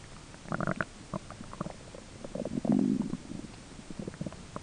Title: stomach noises - digestion 1 some talking in bg